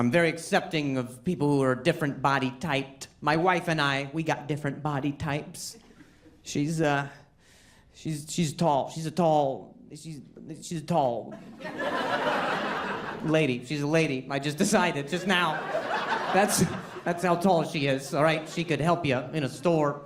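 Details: An adult male comedian performing stand-up, with a severe stutter for over 10 years that he ties to his anxiety level and links to a traumatic brain injury from a softball hit to the throat; stuttering.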